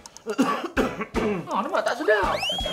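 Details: Acted coughs and throat clearing with some voiced sounds in a Malay comedy sketch about an unpleasant cough.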